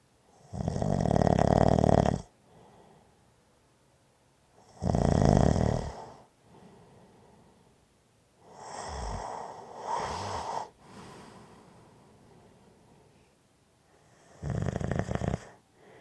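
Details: Loud, rough inhaled snores about every four seconds with quieter exhalations between; ordinary snoring during sleep.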